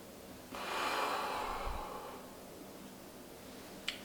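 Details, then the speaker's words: Inhaler trainer whistle from a training inhaler during a demonstration of technique: after breathing out, a deep, fast inhalation through the device gives a loud rushing, whistling noise, then a breath-hold of up to 10 seconds. "to pre-warn you, this is a trainer whistle one, so it'll make a loud noise."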